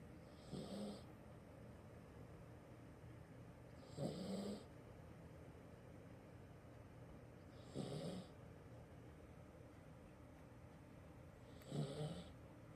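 Four rhythmic snores, one every four seconds or so, about 16 breaths a minute; ordinary snoring in a sleeping cat.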